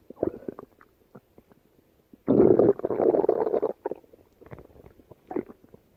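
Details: Female's stomach growling: belly gurgles: borborygmi.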